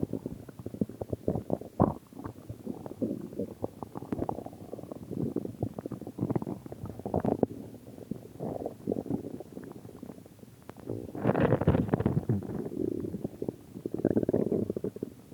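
Continuous low gurgling and rumbling with irregular bubbling surges; stomach growling from gas and fluid moving through the gut.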